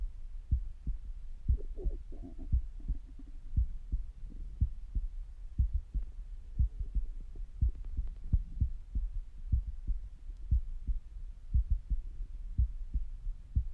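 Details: Stethoscope recording at rest: steady heartbeat near 60 a minute with bursts of gurgling stomach rumbles over it; bowel sounds.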